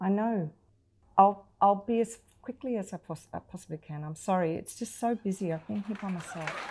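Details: Adult woman, acted; fluent speech.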